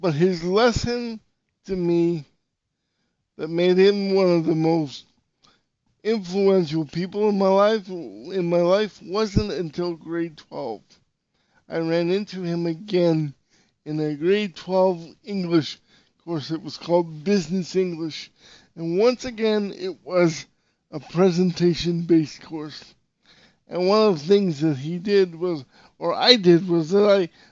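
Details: Dysarthria due to severe cerebral palsy in an adult male podcast host, who reports voice fluctuations and sometimes becoming very tense.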